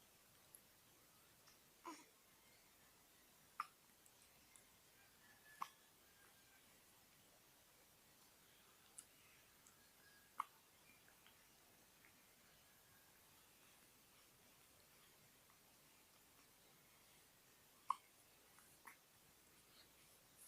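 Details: Hiccups: about five soft, sharp hiccups at irregular gaps over twenty seconds in a quiet room.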